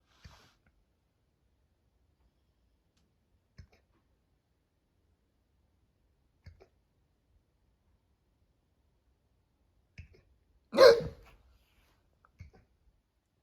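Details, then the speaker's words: Dog with hiccups: soft, sharp hiccup clicks about every three seconds, six in all, one louder gulping burst, in a quiet room; hiccups. "No more hiccups. Pico, no more hiccups."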